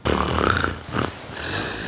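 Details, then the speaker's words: Very loud snoring from a sleeping woman in a comedic couple skit. "حياتي عم بتشنخري زبطي صوتي طالع صوت شخير كتير قوي"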